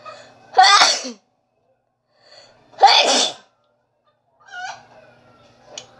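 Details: Two loud, explosive voiced sneezes a couple of seconds apart, with softer vocal sounds after; sneezing.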